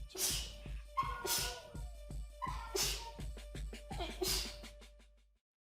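Four sharp, explosive sneezes in quick succession, with music playing in the background.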